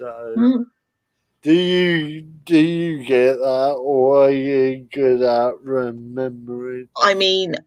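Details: Dysarthria in an adult male with spastic cerebral palsy. He cannot control his limbs properly and his speech is affected. He attributes it to lack of oxygen at birth, when he stopped breathing.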